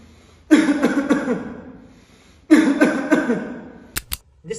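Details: Asthma cough: a deep breath followed by two bouts of about three harsh, strong coughs each, an attempt to open the narrowed, inflamed airways and clear mucus.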